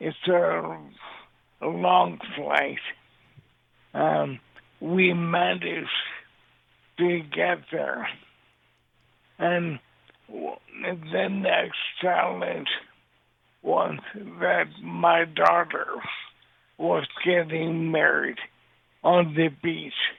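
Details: Dysarthria from ALS in an adult man living with the disease since 2014; his voice is affected, and he also uses a synthesized voice.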